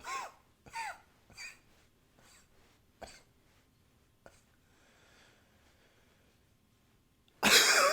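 About five short coughs in a quiet room, the first few loudest, then a loud burst at the end: repeated coughing.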